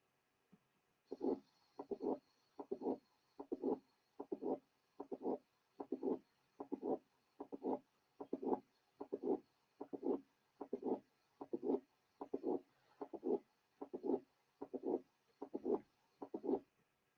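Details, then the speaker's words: Heart sound teaching recording of mitral valve prolapse, about 75 beats a minute: a mid-systolic click is added, then a late systolic murmur, each beat carrying a click and brief late murmur. "The next example is that of a late systolic murmur in a patient with a mitral valve prolapse. Un prolapso de la válvula Now mitral. the mid-systolic click is added. Now, a late systolic murmur is added."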